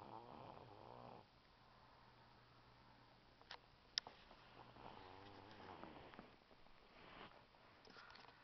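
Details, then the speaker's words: Two soft, faintly buzzing snores about four seconds apart from a 6-year-old boy asleep in REM sleep, who sometimes jumps a little while sleeping; snoring. "He's got REM. He snores so loud."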